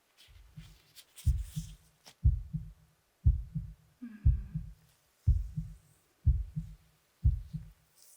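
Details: Real heartbeat sounds through a stethoscope during a routine annual check-up heart and lung exam, with the patient breathing slowly; the pulse is later noted as a bit fast: normal heart sounds.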